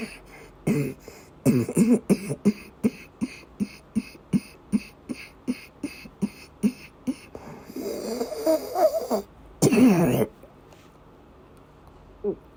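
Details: Female patient with persistent asthma attacks and migraine-cluster headache complex, coughing and vomiting: long run of rapid, short, repeated coughs, then a strained retching breath and a harsh burst.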